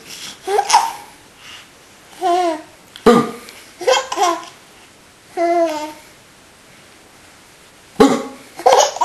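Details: Young child with hiccups: vocalizing and giggling, broken by two sudden, sharp gulping catches about five seconds apart.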